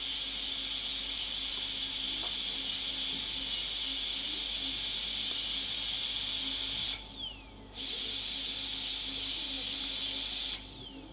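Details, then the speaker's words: Steady high-pitched high-speed dental handpiece whine cutting tooth, briefly pausing and restarting, using a fine-grit red-ring bur on interproximal areas during a molar crown preparation for a porcelain-fused-to-metal crown. "I will usually start on the interproximal areas okay I will do a little more here because I knew this was slightly under"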